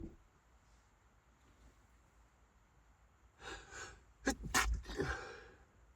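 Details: Sneezing fit while driving, bad enough to pull over to avoid a crash: quiet car noise, then a quick run of sharp, explosive sneezes with sharp breaths in between.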